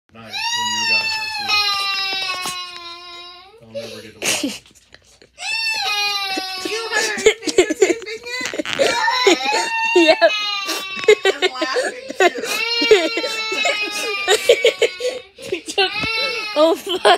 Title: Baby cry’s because dad takes his toy gun away from him😭